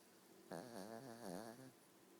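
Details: Sleeping with eyes open and snoring: a single wavering, whiny snore lasting just over a second, its pitch rising and falling, in a quiet room.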